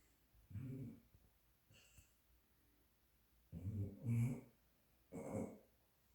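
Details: Sleeping, apparently dreaming female dog snoring louder than a man, with low rumbling snore breaths, three of them louder; ordinary snoring.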